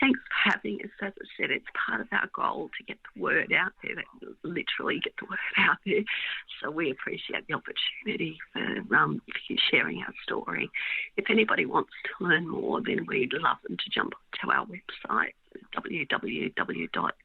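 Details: Woman with mixed adductor and abductor spasmodic dysphonia for 16 years, treated with Botox injections into the larynx that stop some spasms; spasmodic dysphonia (mixed adductor and abductor).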